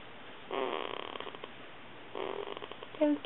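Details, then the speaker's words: Two soft, rattling noisy breaths ending in a small squeak from a sleeping 2-week-old baby girl; light newborn snoring. "I'm trying to take a video of her snoring. Sorry."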